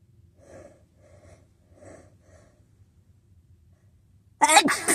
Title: just wanted to sneeze